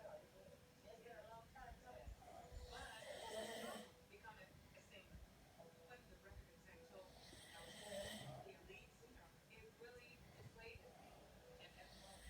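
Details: Rough snoring breaths about 13 a minute, with louder rattling snores and faint talk or TV in the background: snoring.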